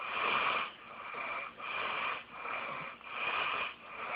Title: snoring loud!